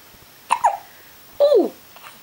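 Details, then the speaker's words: Hiccups, possibly a baby's: two abrupt, voiced, squeaky catches less than a second apart in a quiet room. "Have you got the hiccups? Ooh. Ooh."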